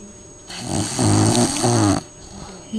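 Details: Bulldog asleep after a long day at daycare: one loud, rattling, low-pitched snore lasting about a second and a half, with quiet room sound around it; snoring.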